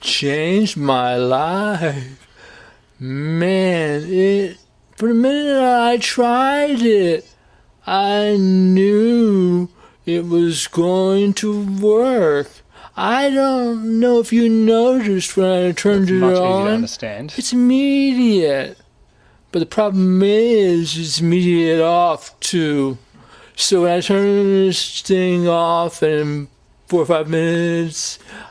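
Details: Man with Parkinson's disease speaking while using a delayed auditory feedback device: hypokinetic dysarthria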